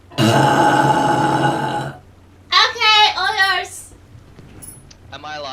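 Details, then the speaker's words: In a burping compilation from a gaming stream, a streamer announces a burp, then gives one long, loud, drawn-out belch followed by brief talking and laughter. "the note that i've got here for the mastery is defeat the malfunctioning gods boss thing okay i got a burp all right"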